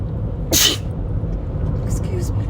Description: driving to work and had a tickle in my nose i had to let out, imagine you’re riding next to me in the passenger seat and i can’t stop sneezing what would you do?